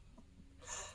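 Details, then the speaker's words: A female pet dog that coughs often, owner says she's okay; a single brief, harsh, airy cough heard faintly against low room hum. "My dog is coughing right now, you guys. I'm so sorry. On the podcast, or on the YouTube channel, I'm sure you'll be able to hear it way more. She's okay. She just coughs a lot."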